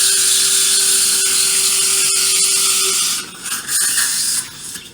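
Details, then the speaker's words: Implant site drilling along the palatal wall of a maxillary anterior extraction socket, drill extension positioned slightly palatally, during GBR implant surgery: loud, high-pitched whirring drill with a steady tone, then changing pitch as it cuts. "When place implant along the palatal wall of extraction socket, this is my drilling technique in the maxillary anterior extraction socket."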